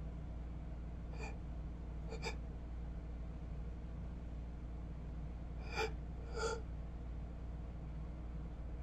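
Four brief sharp inward gasps over a steady low hum, a sneeze building repeatedly but never released.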